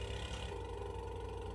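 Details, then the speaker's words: Simulated NREMT skills test on an apneic adult with a weak pulse of 60 and vomitus in the mouth and oropharynx: steady low motor hum of a portable suction unit switched on before rigid-catheter suctioning of no more than 15 seconds. "insert the catheter without suction as far as I can see why suction and a sweeping motion no more than 15 seconds clear out the secretions"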